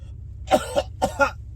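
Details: Deliberate prank coughing by an adult man at his wife: two quick pairs of forced, harsh coughs in a quiet room, not from illness.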